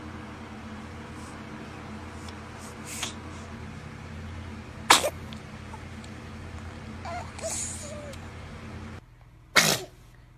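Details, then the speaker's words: Two small, sharp sneezes from a baby over background hum and faint music; normal infant sneeze. "oh cute baby sneeze oh bless you [Music] god bless you i bless you"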